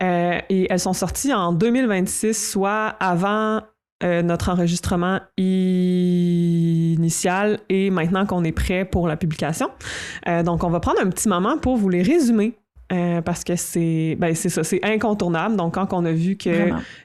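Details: Adult French-speaking woman who stutters and reports experiencing dissociation while stuttering; stuttering.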